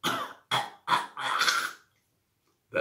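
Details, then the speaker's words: Human imitation of canine kennel cough: three harsh, dry, unproductive hacking coughs ending in a longer unproductive retching sound; kennel cough, imitated. "usually you'll find you hear unproductive coughing like a dry hacking cough and ending off with a unproductive vomit a little bit like"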